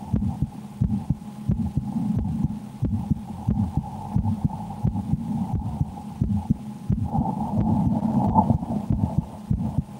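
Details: Steady heartbeat at about 88 beats per minute heard through a stethoscope over a low background hum, recorded while the person plays the Slender horror game and reports extreme fear; normal heart sounds.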